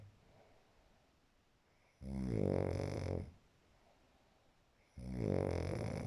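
Loud, rattling snores on breathing in, roughly every three seconds, with quiet pauses between them. Snoring.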